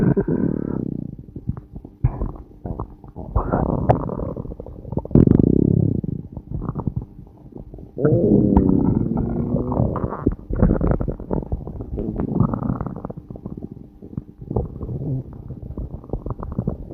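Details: Stomach growling recorded while the person was passing a lot of gas: loud, irregular gurgling and rumbling runs with low bubbling growls.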